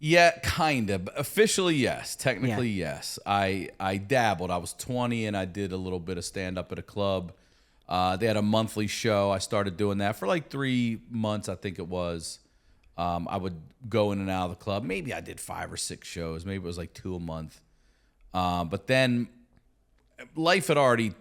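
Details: Adult man; Normal speech.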